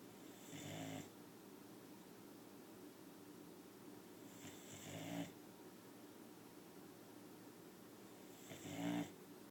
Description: Chloe, our 9 month old boxer puppy, is so tired that she is pink in the face and snoring with her eyes open.